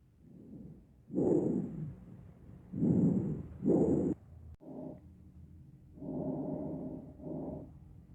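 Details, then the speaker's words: Normal laryngotracheal breath sound heard on auscultation: harsh, hollow rushing breath sounds with a clear pause between phases; tracheal breathing. "el pulmón el soplo larín otra que suena así"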